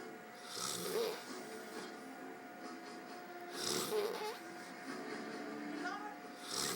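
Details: Rough snoring breaths about 20 a minute, with whistling nasal squeaks on some breaths, over a steady background hum. Snoring.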